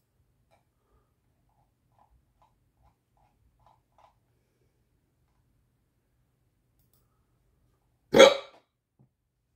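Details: A single sharp, abrupt hiccup after several seconds of near silence; hiccups that won't stop, the fourth bout today; hiccup.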